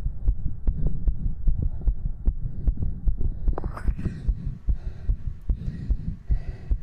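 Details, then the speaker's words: Streamer's own heartbeat on a 3Dio binaural ASMR mic just after 60 jumping jacks: fast, steady thumps near 150 a minute with heavy breathing, a normal racing heartbeat after exercise. "all right Chad I'm gonna get up and do 60 jumping jacks I'll be right back with some heavy breathing and energetic Heartbeats again"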